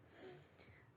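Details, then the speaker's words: Pediatric respiratory lecture example of wheezing in a child: brief, faint whistling breath sound from narrowed airways, usually expiratory; associated with asthma, sometimes bronchiolitis. "wheezing is usually associated with asthma sometimes you can hear it in bronch bronchiolitis as well usually you hear it on an expiratory phase of breathing"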